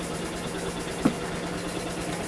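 A steady low mechanical hum with faint rapid pulsing, a brief knock and short bits of room sound: an airway-clearance oscillation vest running.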